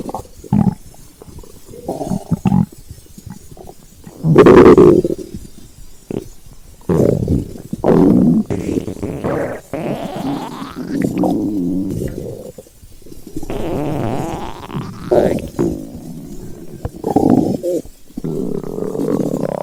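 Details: Loud gurgling, rumbling stomach noises with rising squeaky tones, hunger growling with normal bowel sounds: stomach growling (borborygmi).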